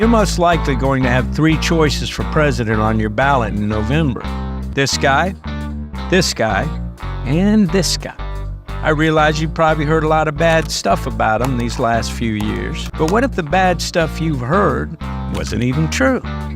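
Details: Adult male narrator; typical voice.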